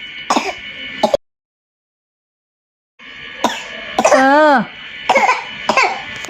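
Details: Children take turns acting out coughs for fun: short, forced imitation coughs and throat-clearing, with a brief voiced squeal between; playful simulated coughing, not real illness.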